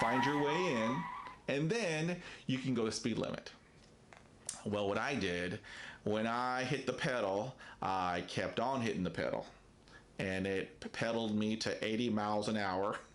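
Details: Adult man who self-identifies as a person who stutters, with facial tics accompanying the stutter; stuttering.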